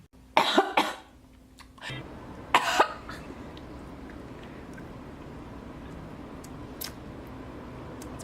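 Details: Acted, comedic coughing: two short bursts of imitation coughing and throat clearing, then quiet room noise; not a real cough.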